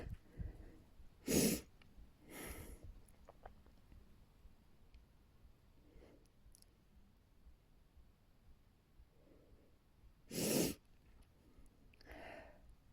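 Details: Person lying down trying to induce sneezes after a buildup: quiet breathing in a small room, broken by two sharp explosive sneezes and a softer burst in between.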